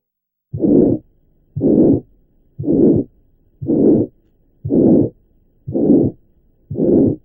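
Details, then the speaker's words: Pulmonary valve stenosis murmur without ventricular septal defect in a pediatric patient: regular long, harsh murmurs about 58 a minute, more prolonged, with a less evident, faint second heart sound. "Aquí tenemos la comparativa con un soplo de estenosis valvular pulmonar sin comunicación interventricular, donde el soplo es más prolongado y el segundo ruido no es tan evidente."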